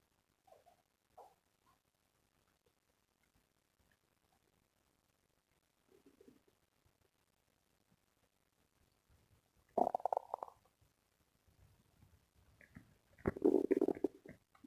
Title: Stomach growling sounds #2